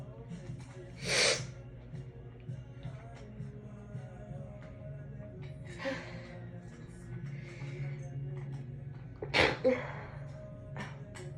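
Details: Sneezing fit after a shower, deliberately induced by tickling the nose with a wet strand of hair: three sneezes muffled with a towel over about ten seconds, faint music and room noise behind.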